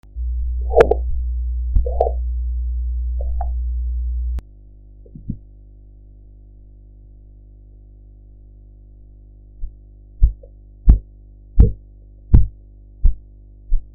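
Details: Korotkoff sounds on blood pressure audio with a sphygmomanometer gauge: steady low rumble and a few faint taps, then seven regular thuds at about 85–90 per minute.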